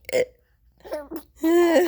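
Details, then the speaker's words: Mother's hiccups while talking to her baby: a brief abrupt hiccup followed by short voiced infant-like sounds; hiccups. "I can't help the hiccups. They just come out. They're a pretty funny one too, huh?"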